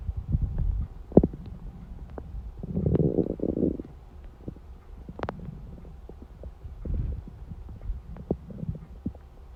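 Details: Hungry stomach at 4:30 am: low gurgling rumbles and brief pops from the abdomen, ordinary borborygmi of an empty stomach.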